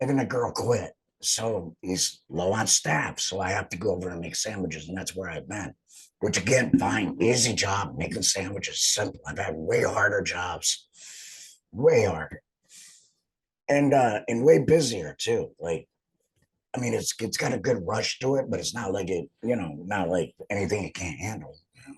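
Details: Adult laryngectomee speaking; alaryngeal speech after total laryngectomy.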